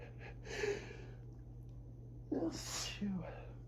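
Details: Allergic rhinitis morning sneezing fit around 6am during high grass pollen season: a soft sneeze, then a stronger, wetter sneeze and a gasp, in a rapid-fire fit growing stronger and wetter.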